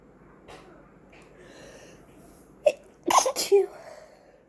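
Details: Sneezing in a person with an oncoming cold: a sharp explosive sneeze followed by two more quick sneezes in a quiet room.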